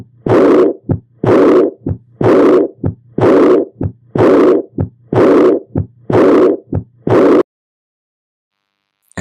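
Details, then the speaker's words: Aortic regurgitation: regular heartbeat near 62 a minute with a distinct S1, then a high-pitched, blowing, decrescendo diastolic murmur starting with S2; it is best heard with the stethoscope diaphragm. "it's a high-pitched blowing murmur so like all high pitched murmurs it is best heard with the diaphragm and it is a decrescendo type pattern"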